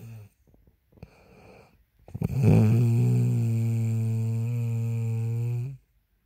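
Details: Woman asleep: quiet breaths, then one long, loud, droning snore lasting about three seconds; snoring during sleep.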